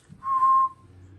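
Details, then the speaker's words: Adult with COVID imitating her chest whistle: a single soft, steady whistled note of about half a second, heard when breathing out, along with chest pressure and pain. "I'm like why do I sound like a whistle in my chest and it and I'm not saying that to be funny like literally like I'm just breathing and it sounds like something that's like I'll whistle"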